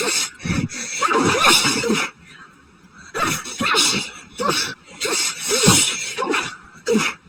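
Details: Person's sneezing fit after going outside to check the mail during a very high pollen count, a possible new grass allergy: a rapid run of repeated sharp sneezes with brief pauses.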